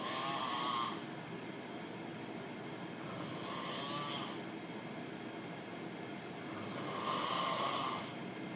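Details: Loud, harsh, rasping snores with a whistling edge from a sleeping adult roommate, three breaths about three seconds apart.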